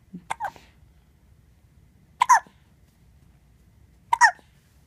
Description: Just a cute video with hiccups.